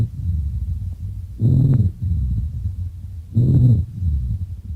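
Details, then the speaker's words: Rhonchi: low-pitched, snoring-like rumbling breath sounds with louder bursts about every two seconds, from obstruction of large-calibre bronchi by mucus, as in chronic bronchitis; may change or clear with coughing. "Por otro lado, en bronquios de gran calibre tenemos el roncus. Es un sonido más bien grave, por lo tanto indica un grado menor de obstrucción. Su sonido es similar al de un ronquido."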